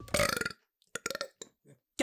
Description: Just the finest burps Vol.4 ❤️